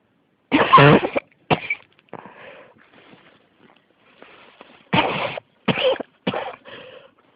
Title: 咳が止まらない46 cough